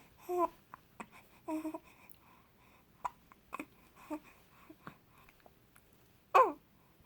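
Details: Infant in the morning with hiccups: soft babbling broken by repeated short, abrupt catches in the breath in a quiet room.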